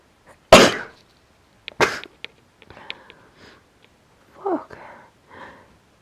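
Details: Sneezes after trying pepper to induce them, with hitching, nose blowing and sniffing: one sharp, explosive sneeze, then a smaller burst and breathy catches afterward in a quiet room.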